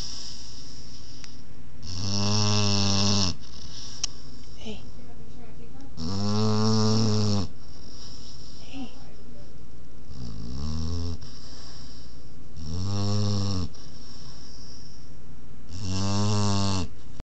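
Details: 20-week-old Boerboel puppy snoring during a nap: loud, deep rumbling snores, about five in seventeen seconds, with quiet gaps between.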